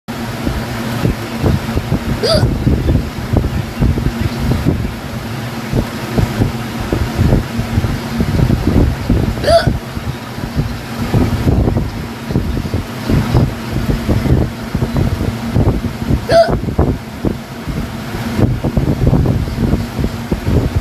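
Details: Real hiccups that started suddenly: three brief, sharp hiccup sounds about seven seconds apart over steady wind or engine noise.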